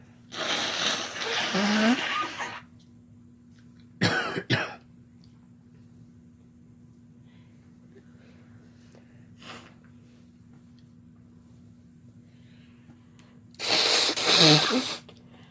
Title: Sneezing together (M+F)